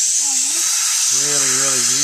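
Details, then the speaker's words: Continuous high hissing whir of a dental polishing handpiece gently polishing a child patient's teeth with prophy paste before sealant placement, while the dentist talks over it. "so the first thing we're going to do is we're going to take our special toothpaste called pmus and we're going to polish the tooth very very gently"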